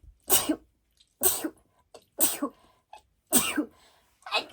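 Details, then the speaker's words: Adult's allergic sneezing, which she links to flowers around Valentine's Day. "you can tell these are allergy sneezes because when I sneeze I sound"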